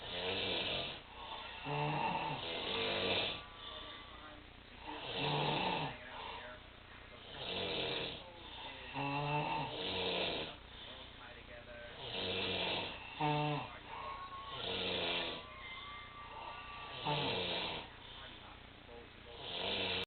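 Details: Snoring: loud, rattling snores recurring irregularly, about 8 a minute, with harsh, buzzy breaths and some softer sounds between them.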